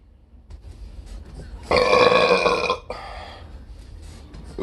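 One long, loud, voiced belch lasting about a second, with quieter sounds before and after; a burp.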